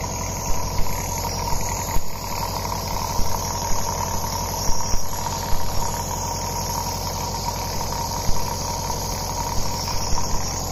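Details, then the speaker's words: A DeVilbiss PulmoAide compact compressor nebulizer, switched on, gives a steady low mechanical hum with rapid rattling pulses; hospital-type compressor nebulizer running continuously. "you have the on off switch on the side so once you switch the machine on you will see you'll hear this noise"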